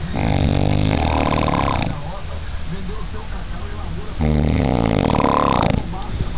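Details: Loud, rough, rattling snoring on two breaths with a quieter exhale between, recorded around 5:58.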